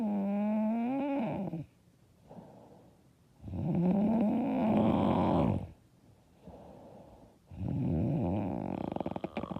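Loud, rough snoring on the in-breath, with vibrating, fluttering tones and quieter out-breaths, about three cycles in ten seconds.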